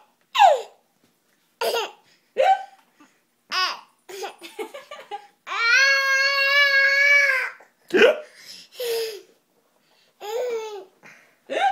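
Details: Young child hiccuping while laughing at dad: short, abrupt voiced hiccups mixed with babbling and giggling during play.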